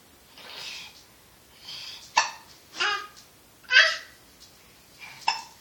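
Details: Person with hiccups: four sharp, sudden hiccup bursts at irregular intervals, separated by softer breaths, in a quiet room.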